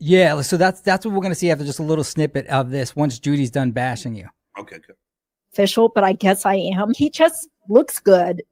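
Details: Adults in conversation; ordinary conversational speech.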